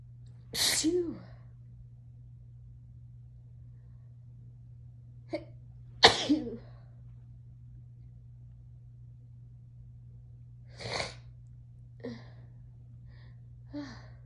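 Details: Adult described as tipsy and high: a few sharp sneezes of varying strength, some followed by softer smaller sneezes, over low room hum; sneezing.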